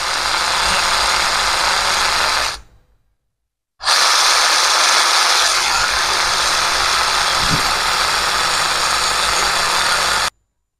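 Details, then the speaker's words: Modified Weaver-Dunn procedure for chronic acromioclavicular joint dislocation: 2 mm drill bit exiting the lateral side of the clavicle, steady high-pitched whirring in two runs with a short pause: surgical power drill on bone. "So I'm going to take a 2mm drill bit. It comes at a bit of an awkward angle, and then try to exit on the lateral side."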